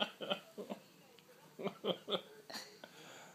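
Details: Several short, abrupt throat catches in quick succession in a small room: hiccups.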